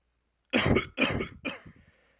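Three short, forceful coughs in quick succession, the last trailing into a brief throaty rattle.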